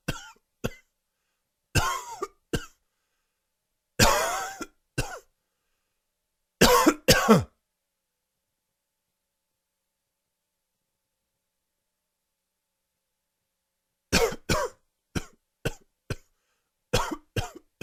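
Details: Adult with allergies has a coughing fit: repeated dry, harsh coughs in clusters with a slightly wheezy edge and a long quiet pause between bouts; dry wheezy cough.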